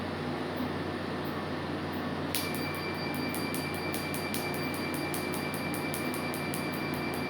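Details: First laser tattoo removal session on a tribal tattoo on the stomach: machine hum, then a fast train of sharp snapping clicks about three a second with a faint high tone; laser firing.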